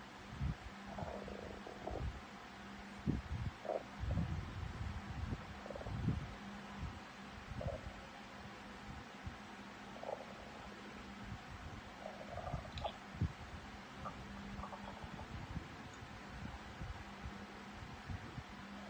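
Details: Stomach growling after 15 hours without food: repeated low gurgling and rumbling over a steady background hum; hunger-related borborygmi.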